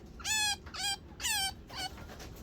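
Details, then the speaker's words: Baby chinchilla separation cry: four high, squeaky, tonal cries in quick succession, calling for its mother after being separated. "oh so sad oh my god listen to this baby are you forever gonna cry for Mommy"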